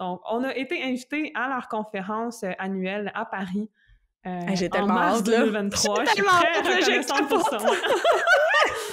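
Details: Adult woman who stutters, a doctoral candidate in speech-language pathology; stuttering.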